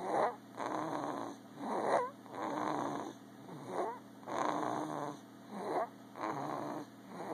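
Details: Snoring: rhythmic rough snores with squeaky, whistling edges, about 17 breath cycles a minute, over a steady background hum.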